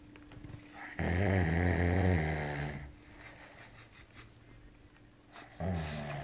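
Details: Man who fell asleep while listening to music on his laptop: two loud, rough, rattling inhaled snores separated by quieter breathing, with faint room hum; heavy snoring.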